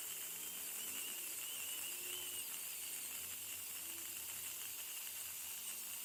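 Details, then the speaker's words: Dental scaler in use during professional teeth cleaning after braces removal to clear remaining bracket glue; steady high-pitched hiss and whine inside the mouth; patient reports teeth became sensitive, unpleasant but not painful. "And next thing, there is this person drilling inside and doing all those things, and my teeth became so sensitive, so it was quite unpleasant."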